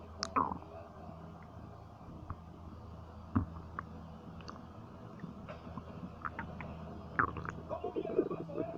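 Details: Quiet room hiss with scattered soft gurgles and squelches, busier near the end; ordinary stomach rumbling (bowel sounds, borborygmi), a normal digestive sound.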